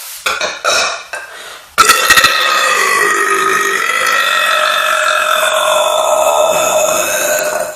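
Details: Burping: a few short gulping croaks, then one loud, long belch that rumbles on for about six seconds.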